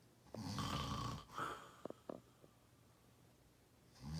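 One loud, rough, low fluttering inhaled snore followed by a softer breath and a few faint clicks in a quiet room; snoring.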